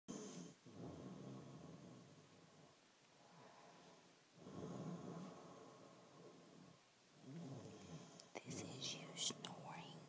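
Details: Snoring.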